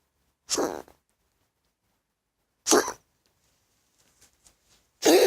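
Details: Coughing.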